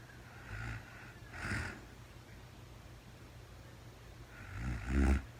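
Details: Real-time overnight recording of a woman sleeping, part of a four-hour recording, no talking: soft, low snoring breaths in a quiet room, three faint cycles, the last one louder; light snoring during sleep.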